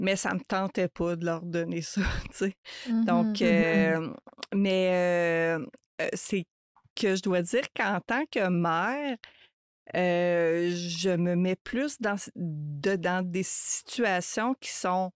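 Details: Adult woman who stutters, a mother of two teenagers, speaking French in a podcast interview; stuttering.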